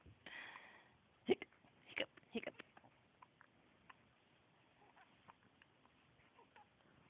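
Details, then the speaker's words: Hiccups in a little girl, heard as repeated brief hiccup sounds while an adult talks to her. "you got hiccups you have hiccups little girl"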